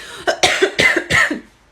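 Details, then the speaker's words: Adult acting in a comedy skit about being too embarrassed to cough in public: four quick, harsh, dry cough bursts in a run, then claims it's just a tickle in the throat. "No, I'm fine. Sorry, it's just like a tickle in my throat."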